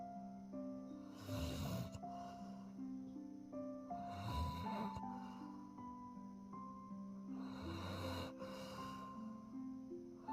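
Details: Sleeping Doberman dog snoring: soft snorting snores about every three seconds, with gentle background music.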